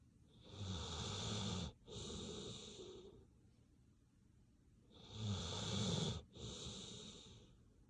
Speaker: Relaxing sounds of sleep. Doggy snoring is sleep inducing.